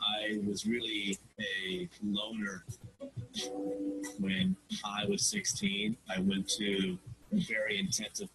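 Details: Male graduate student describing his own stutter as really severe, introducing himself with blocks and fillers; stuttering.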